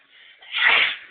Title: sneezing